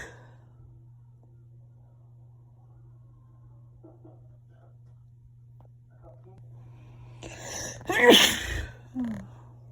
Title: Back with more sneezes